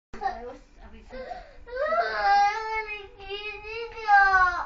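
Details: Young child crying in sobbing, wailing bursts in a small room.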